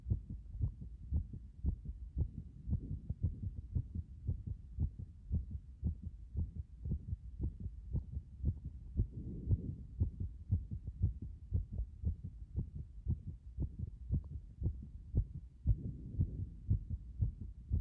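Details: Heart sounds after compression: fast, regular low heartbeats at about 115 a minute with a faint whooshing between beats.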